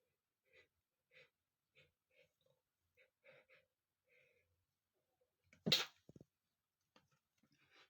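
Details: Male deliberately triggering a sneeze by tickling with a piece of paper: soft repeated sniffs and rustling build to one loud, explosive sneeze, followed by quick short breaths; sneezing.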